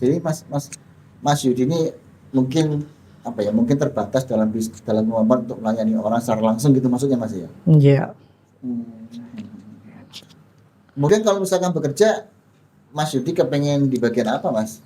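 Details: Adult men in conversation; ordinary speech.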